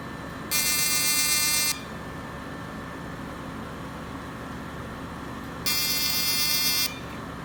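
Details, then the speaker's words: Fractional CO2 laser (Total FX/Deep FX handpiece, first pass) on a woman's lower eyelids and under the brow for crepiness and crow's feet; two loud high-pitched buzzing pulses about a second each over a cooling-fan whoosh; ablative, pinpoint bleeding expected. "It's normal on this treatment to get a little bit of pinpoint bleeding because this is considered an ablative laser treatment. It's fractionated CO2, so it is breaking the surface of the skin on a very microscopic level."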